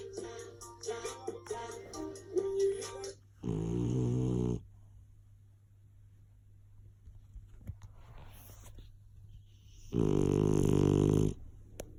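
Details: Sleeping French bulldog puppy snoring before being woken by a baby: two loud rattling snores, with music early in the clip.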